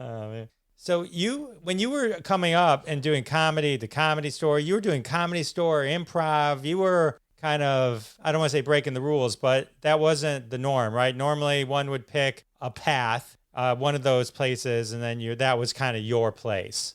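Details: Adult male speaker; normal speech.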